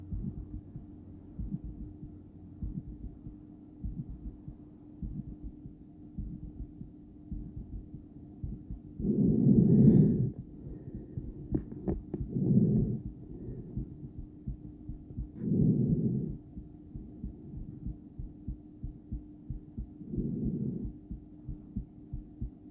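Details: Adult female, self-recorded stethoscope heartbeat after breathplay: faint, uneven beats under loud breathing, with episodes of bigeminal rhythm and a long pause after one beat.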